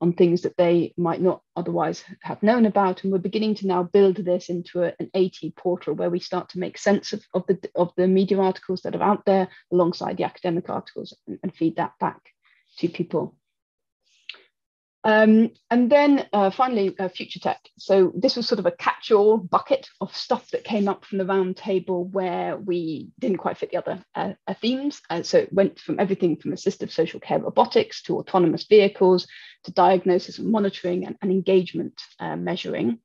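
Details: Adult woman giving a talk; typical speech.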